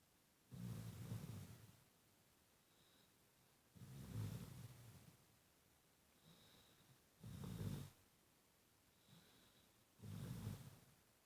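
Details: Sleeping subject snoring: slow, low, rumbling snores, about four loud ones in eleven seconds, with softer breaths in between.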